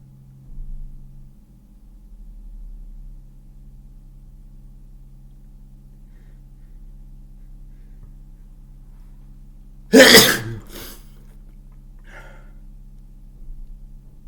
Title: Super loud and wet cold sneezes